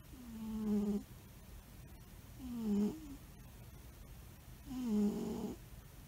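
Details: An albino cat asleep gives three rhythmic, low, vibrating snores about every two seconds, each rising and falling with the breath. Snoring.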